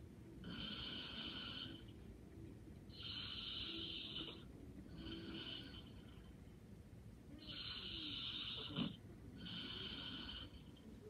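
Soft, airy, rhythmic breathing with a faint snoring rasp on each breath, quiet and even, consistent with light snoring during sleep.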